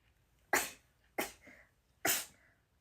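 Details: A young Japanese woman who says she has hay fever and an itchy nose gives a run of three sharp, explosive sneezes about a second apart. The last two have brief breathy tails.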